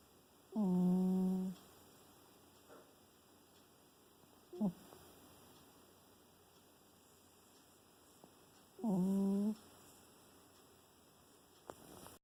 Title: Salem Snores